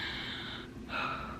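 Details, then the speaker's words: Two loud, harsh, raspy, Darth Vader-like breaths drawn in by an adult imitating their own past breathing from idiopathic subglottic stenosis, audible across a library: inspiratory stridor (imitated). "like when I would go like that was so loud and it sounded like Darth Vader kind of like raspy and so loud"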